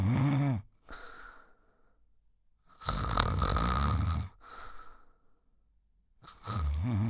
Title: 1 Hour Snoring Sound - Relax, Fitness, Workout, Background Music